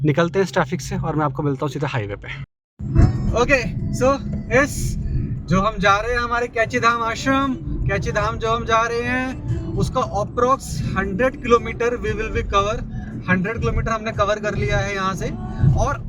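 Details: Male travel vlogger who identifies himself as a person who stammers, speaking Hindi; stuttering.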